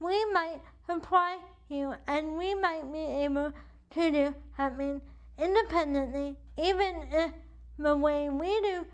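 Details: Adult woman with cerebral palsy affecting the right side of her body, with weak right arm, uses a wheelchair, and states CP affects her speech; dysarthria (cerebral palsy).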